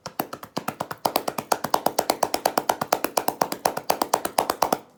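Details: Rapid hollow drum-like claps, about two a second, from cupped hands striking the chest, with emphasis on the lower rib cage: manual chest percussion for airway clearance, demonstrated by an orthopedic physician.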